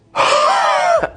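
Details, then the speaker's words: Adult demonstrating a high-volume huff (forced expiration technique) to clear phlegm: a very big deep breath in, then one strong, sustained forced breath out with the throat open and a groan-like voiced tone. "So at the end, very big deep breath in with all the force similar to a cough. You're going to keep your throat open and force it out."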